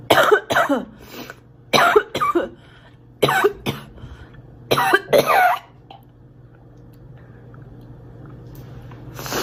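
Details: Acted coughing by a girl: three paired bursts, about six coughs over nine seconds, with quiet room noise between them.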